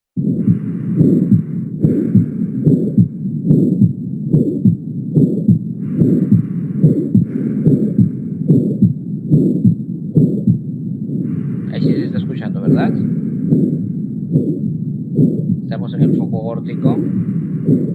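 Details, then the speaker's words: Aortic stenosis murmur on heart auscultation, loudest and most evident at the aortic focus. "como pueden notar el mayor la mayor intensidad del soplo se va a ocultar en el soplo en el foco aórtico lo pongo de nuevo [Música] [Música] ahí en la parte del foco aórtico se escucha más es más evidente el soplo sí"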